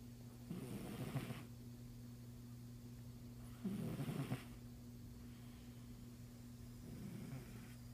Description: Caught in the act -- my cat snoring.